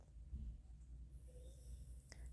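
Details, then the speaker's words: A relaxed dog lying on a lap, dozing and breathing heavily: a quiet, low rumbling snort and mild snoring, with a faint click near the end. "I have one dog on my lap as I'm doing this and he's um kind of sort of snoring so you might hear that in the background"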